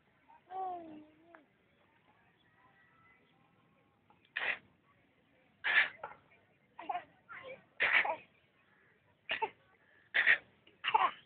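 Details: A brief vocal sound, then about eight short, sharp, deliberate artificial coughs in a quiet room. Voluntary cough.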